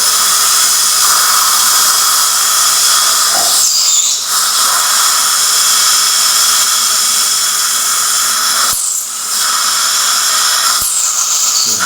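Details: Loud continuous high-pitched hiss and whine with brief dips from a dental surgical drill during immediate implant placement in the aesthetic zone, replacing a fractured tooth, with a small bone defect noted; real surgery.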